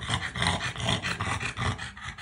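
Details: Dog Odin, recorded before BOAS laser surgery: loud, rhythmic snorting, rattling breaths like a rumbling engine; stertor from brachycephalic obstructive airway syndrome.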